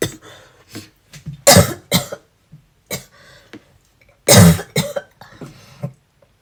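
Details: A person with asthma and a cold coughing uncontrollably while brushing their teeth: repeated harsh cough bursts with throat clearing between, coming in runs that do not settle; persistent cough.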